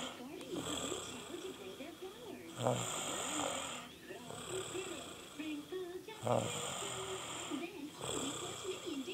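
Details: Female overnight guest snoring in her sleep: rhythmic, noisy, rattling breaths about 16 a minute with a faint tonal background; snoring.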